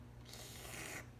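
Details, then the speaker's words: About a second of hissing, rasping suction as a suction catheter is tested and lubricated by thumb on the valve, before tracheostomy suctioning in a trach suctioning and trach care demonstration. "okay now what we're going to do is we are going to test our suction catheter and lubricate it so we're going to put our thumb on the valve which applies the suction"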